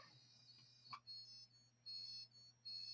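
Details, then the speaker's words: Dolphin Neurostim microcurrent device beeping during scar release therapy, counted in sets of 10 beeps along a patient's scar: faint, high, repeated electronic beeps at a steady pace over quiet room hum. "and I'm going to do a 10 count of beeps now I'm going to move down again do 10 more again 10 more"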